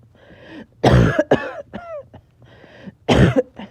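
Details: Back-to-back coughing fits with shortness of breath, clips joined together: repeated harsh cough bursts with rough throat-clearing and strained breaths between; a coughing fit.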